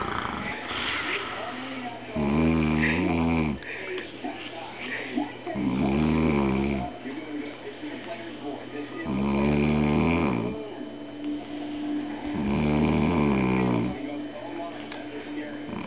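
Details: Man snoring: loud, rattling snores on each in-breath, four in about 16 seconds, with a steady low room hum between them.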